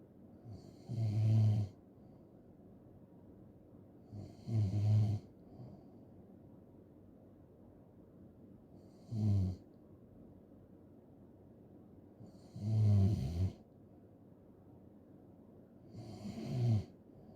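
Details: Deep, rattling snores on each in-breath, about 17 a minute, over a steady low room hum; snoring.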